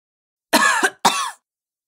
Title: Sick Woman Coughing Sound Effect